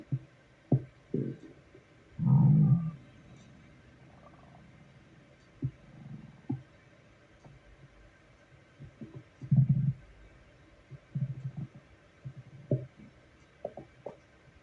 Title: Stomach growling at work.